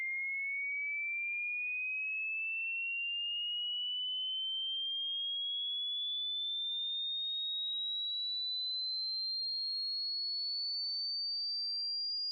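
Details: High-pitch hearing test to gauge the age of one's ears: a single pure tone rising slowly and steadily in pitch.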